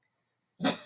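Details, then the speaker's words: Chihuahua with tracheal collapse, which prevents anesthesia, and an abscessed tooth on medication: a single short, harsh honking cough typical of tracheal collapse. "I talk about how sometimes it's hard to record certain things because he's coughing in the background. I have to pause it and edit it and things like that. But I wanted you to see him and hear him, not edit him out, so you get an idea of what this sounds like."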